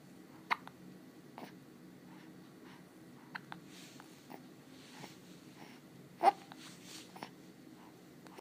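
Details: Baby with spit bubbles and hiccups; quiet room with soft baby sounds and a few sharp, abrupt hiccup catches, about four over eight seconds; ordinary hiccups.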